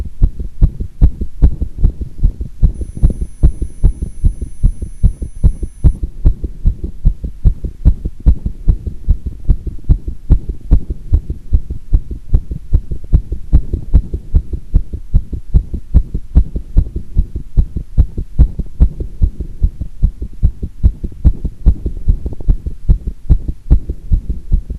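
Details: Fast, steady heartbeat thumps recorded with pressure after squats, with a single irregular beat (one-time arrhythmia) somewhere in the recording: heart sounds after exercise.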